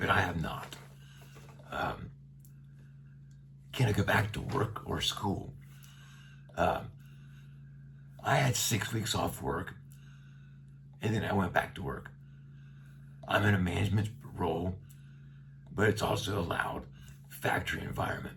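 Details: Adult man with neck cancer treated with radiation that brought his vocal cords very close together, tracheostomy for a year, speaking through a one-way speaking valve; dysphonia with tracheostomy speaking valve.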